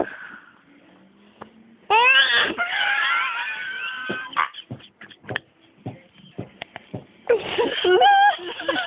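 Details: Baby sneezing several times with short, sharp bursts, fussing and crying in frustration between sneezes.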